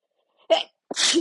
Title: Loud and strong sneezes